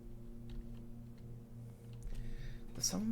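One brief adult cough near the end, over steady room hum and faint keyboard clicks.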